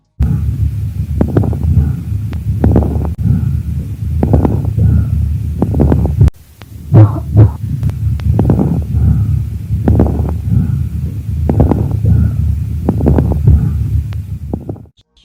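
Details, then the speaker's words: Lung auscultation example of crepitation, explained as viscous secretion wetting the alveolar walls as they open: low muffled chest sounds with recurring clusters of fine, soft crackles at the height of each inspiration. "отличие от влажных хрипов когда жидкость образуются дыхательных путях прикрепит ации жидкость находится внутри отдел и при расправление стенок смоченных этим вязким секретом создается нежный рискующий звук"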